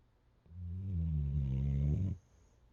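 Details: A single low, rumbling, buzzy breath lasting over a second, a sporting dog snoring in deep sleep after a full weekend of running and training.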